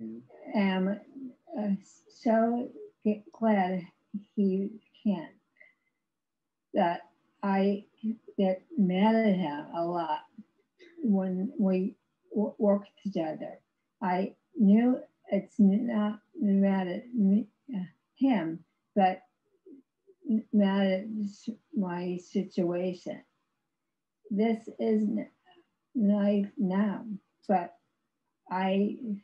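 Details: Aphasia in an adult woman after a severe stroke in 2010, about 11 years earlier; she had no speech for three years and has ongoing speech difficulty, described as severe aphasia.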